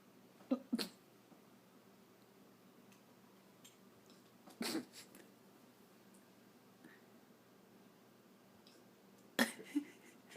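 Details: Pet dog with hiccups: sharp, brief bursts at irregular intervals, about five over ten seconds, in a quiet room.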